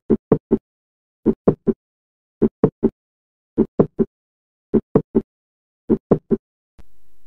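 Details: Mid-systolic click, occurring midway between the first and second heart sounds.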